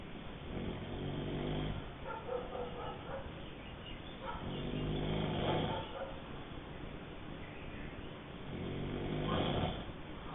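Slow, low rumbling breaths, about 16 a minute, with a throaty rattle on each breath: snoring.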